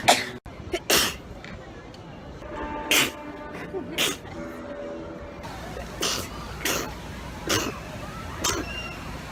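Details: String of short, sharp sneeze bursts from different people in a compilation, with music and speech between them; sneezing.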